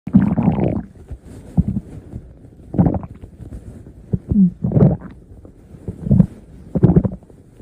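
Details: Stomach growling (borborygmi): low gurgling rumbles and short bubbly pops in irregular bursts over a few seconds.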